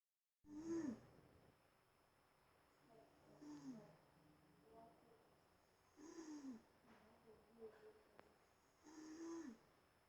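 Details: Mother snoring loudly: soft, recurring throaty breaths with a faint groaning tone, roughly every three seconds; snoring.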